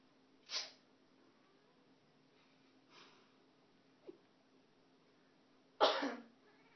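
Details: Person coughs, then sneezes louder, while a cat responds with a faint sound between them, in a quiet room.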